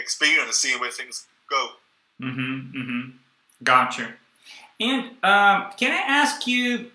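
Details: Young adult man who stuttered through his first 18 years and took the Starfish project course; he still stutters and blocks and uses a breathing technique only some of the time. Stuttering.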